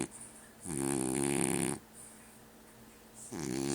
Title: French bulldog snores